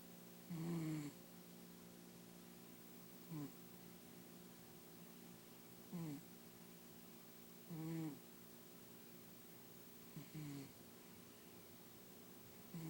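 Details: Soft rhythmic snores, about five in thirteen seconds, roughly 25 breaths a minute, over a steady background hum; snoring.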